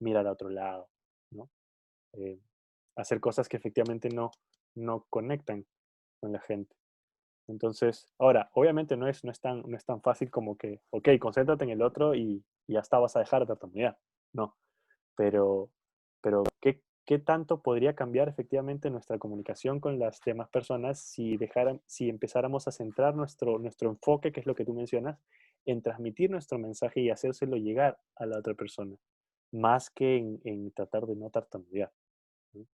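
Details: Stuttering in Spanish conversation between two adult men who both stutter.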